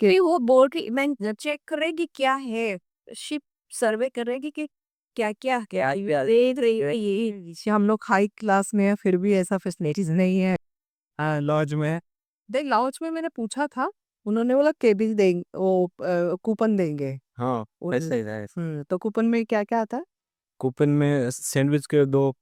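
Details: Adult woman; normal speech.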